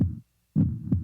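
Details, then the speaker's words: Fetal heartbeat heard on an ultrasound wand placed on the pregnant mother's belly in a quiet room: deep, booming whooshing beats, about two per second. "until I went in with Crystal and they put that machine on Crystal's belly, and it was quiet in the room, and you just heard boom, boom, boom, boom."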